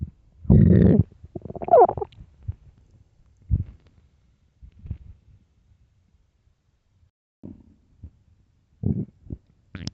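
Loud, low growls and rumbles in irregular bursts with quiet gaps; hunger stomach growling, a normal finding.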